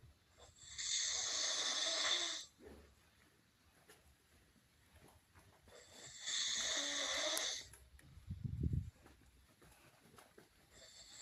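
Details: Man snoring while asleep in a quiet room: slow, hissing, airy snores about every five seconds with a brief low snort between breaths.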